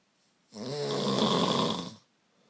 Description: Omg. How do I sleep with this going on?